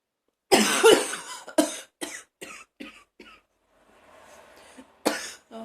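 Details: Adult in a bathroom, feeling like throwing up: a harsh, forceful coughing fit of about seven bursts, trailing into retching gag sounds.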